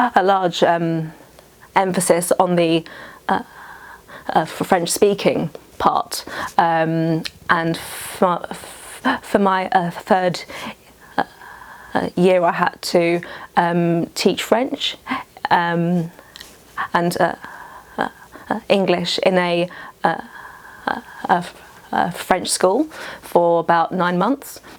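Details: 29-year-old woman who has stammered since age five, speaking in an interview; stuttering.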